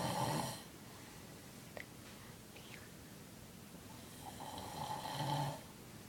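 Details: Snoring: two loud rasping snores about five seconds apart with quiet breathing between them.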